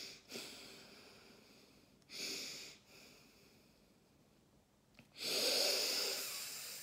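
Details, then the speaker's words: Occupational spirometry lung function test: a hard, forceful blast of air blown out through a mouthpiece, with brief coughs breaking into the effort; forced expiration with cough. "okay Wow I coughed a bit there as you can see it sent me a lovely purple color"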